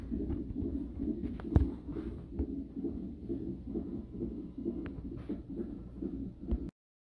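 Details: Fetal heart tones on monitor during a 37-week non-stress test in a high-risk pregnancy: rapid, regular whooshing pulses, not strong at rest, getting stronger and faster each time the baby moves; normal reactive rate.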